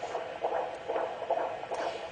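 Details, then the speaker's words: Antenatal examination of a term pregnancy: rapid, regular whooshing Doppler fetal heartbeats in the 140s per minute, counted for 15 seconds; normal fetal heart sounds. "usually counted for 15 seconds it's about in college you'll get this baby's heart rates running in the 140s"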